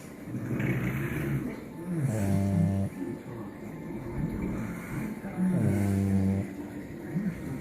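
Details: Mariah snoozing on a lazy day: two drawn-out, buzzing low snores several seconds apart with room noise between; ordinary snoring.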